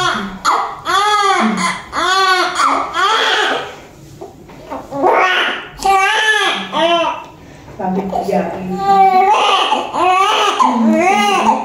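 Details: Repeated strong, high-pitched wailing cries with brief breaths between them from a large newborn just after normal vaginal delivery with nuchal cord; room noise behind; vigorous newborn cry.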